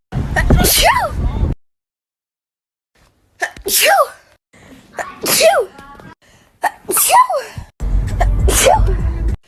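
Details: Natural sneezing compilation: five loud, sudden sneezes, each a sharp burst with a rising-falling voiced cry, separated by brief pauses.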